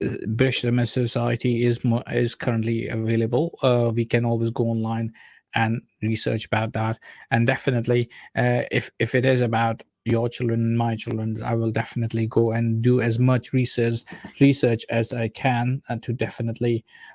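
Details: Stammering (stuttering) in a man who says he stammers himself.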